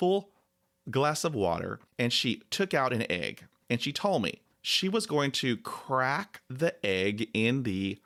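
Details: 49-year-old man with stuttering (stammering) since age 5 who attends speech therapy; he describes a disfluency caused by a dog attack.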